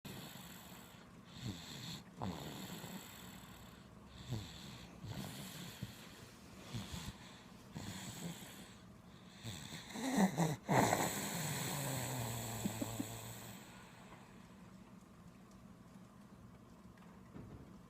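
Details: Snoring from a sleeping infant: soft, rough breathing noises with a louder snorting snore partway through.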